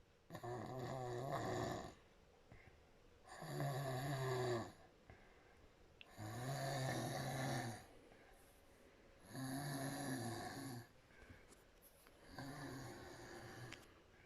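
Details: Snoring in a sleeping woman with mouth wide open: soft snoring grown stronger and louder, loud rattling snores on each in-breath, about 20 a minute, with quiet pauses between.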